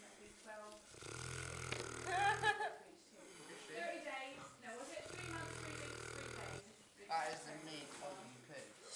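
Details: A female pig at a farm, described as very lazy, snoring: slow, low rumbling snores with snorting nasal breaths, about two cycles heard.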